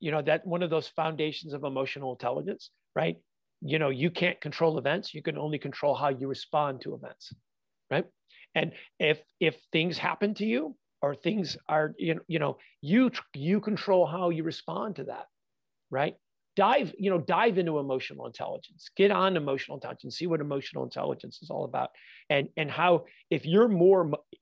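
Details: Adult man with stuttering (fluency disorder) since childhood, still stuttering all the time, not only when nervous; real.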